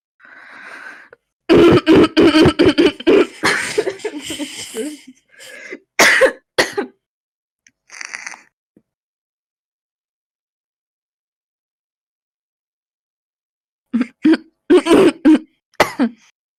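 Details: Young female smoker with repeated deep, harsh barking coughs in fits and heavy throat clearing; chronic smoker's cough.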